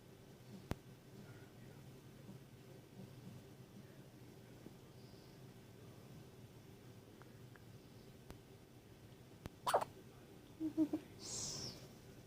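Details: Newborn baby girl, a few hours old, after falling asleep on her mother: a few soft, abrupt hiccups, each with a small gasp-like catch, in a quiet room; she hiccupped often in the womb.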